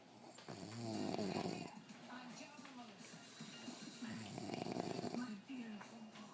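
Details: Rough, rattling snoring sounds over background music and talk; snoring.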